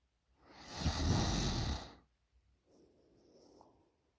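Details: Heavy snoring in a sleeping 20-year-old female: one loud, harsh, rattling snore on the in-breath, then a quieter breath out with a soft whistle.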